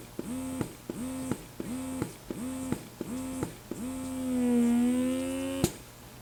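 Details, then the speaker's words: BabyBuddha portable electric breast pump in stimulation mode: motor cycling with quick gentler whirring pulls, then a stronger long pull; described as powerful, slightly uncomfortable even at level 1. "The pump in the stimulation phase does 4 gentler sucks and then a 5th pretty strong pull. Even on level 1, this setting is a little uncomfortable and pretty powerful."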